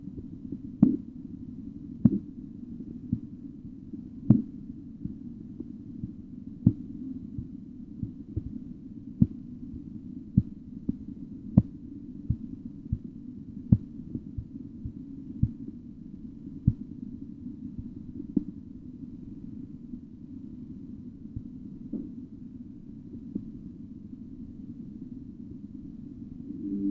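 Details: Korotkoff sounds during auscultatory blood pressure measurement: sharp tapping about once a second over a steady hum, then fading as the cuff deflates.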